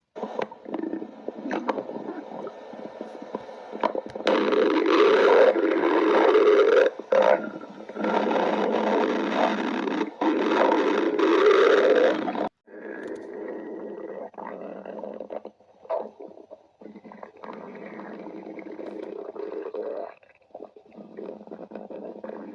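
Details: Irregular rumbling and gurgling abdominal sounds, normal stomach growling from gas and fluid moving through the gut (borborygmi).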